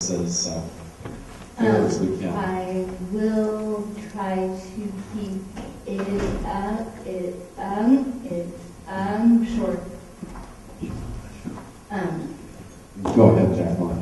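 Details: Stuttering (dysfluent speech) in an adult woman with cerebral palsy, a medical marijuana patient, who says the stutter is the most visible manifestation of her cerebral palsy.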